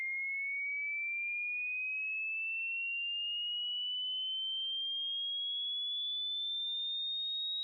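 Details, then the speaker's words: Online hearing test: a pure tone rising slowly and steadily in pitch, a sweep for checking the upper limit of hearing and "how old your ears are". "Want to find out how old are your ears?"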